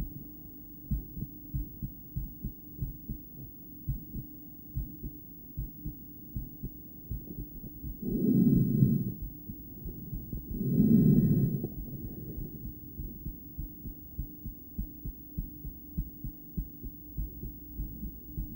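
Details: Adult female heart recorded by stethoscope during breath-holding play, not an ideal chest spot, with cardiac ultrasound: paired uneven beats with longer pauses, two loud breath sounds; intermittent bigeminal rhythm.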